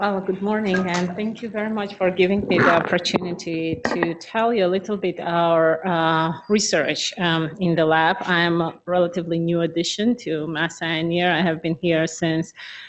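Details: Adult woman speaking; normal speech.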